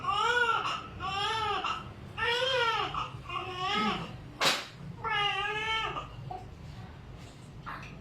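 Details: Repeated loud, rhythmic wailing cries with short gasps from a newborn boy just after a normal vaginal delivery at a clinic, a first baby with a cord coil around the neck; newborn cry.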